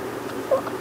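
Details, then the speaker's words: Bottle-fed infant gives a single loud, quick, wet gulp, a sign of milk flow too fast for the baby's suck-swallow-breathe rhythm. "지금도 또 삼키는 소리가 굉장히 크게 들리죠. 애기들이 빨고 삼키고 숨쉬고 이거 조절을 우유병 분비 속도에 맞춰서 하게 되어 있는데 아기는 또 아기 나름의 자기가 원하는 속도가 있어서 자기가 빨고 삼키고 숨 쉬는 게 버거워지면 또 싫어라 해요."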